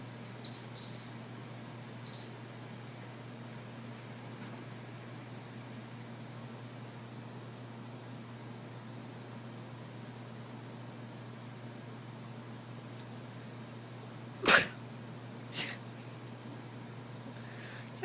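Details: Person with an allergy to Timothy hay sneezing while cleaning a pet rabbit's area; two sudden loud sneezes about a second apart in a quiet room.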